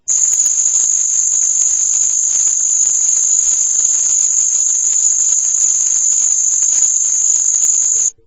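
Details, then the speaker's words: Simulated tinnitus tone at 6900 Hz, isolated and amplified from a recording attributed to ELF/Schumann resonance interference; steady, piercing high-pitched whine with faint hiss. "now i want you to hear 6900 6900 hertz there's the tinnitus tone that was in the file pumped it up"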